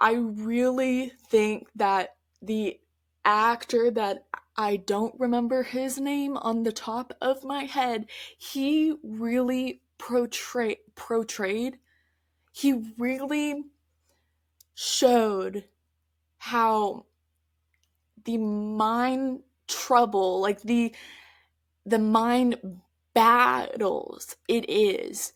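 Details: Adult woman who stutters, mostly with repetitions and prolongations of words, speaking conversationally; stuttering.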